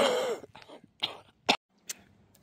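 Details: Cough from an adult who reports long-haul COVID and environmental allergies that have become much worse since then.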